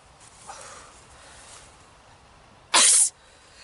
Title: allergy sneezing attack